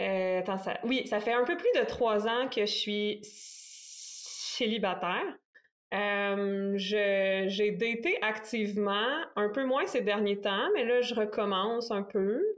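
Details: Stuttering in an adult man in his thirties who stutters.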